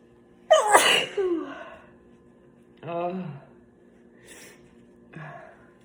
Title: Sneezing with tissue